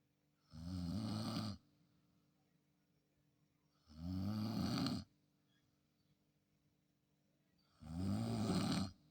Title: snoring challenge 😴 between me and her. . .who takes the award????🤣🤣🤣